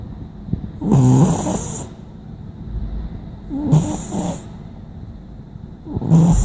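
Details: Snoring from a cat sitting next to the owner: three loud, rattling snores, each about a second long, at irregular intervals of roughly 2–3 seconds.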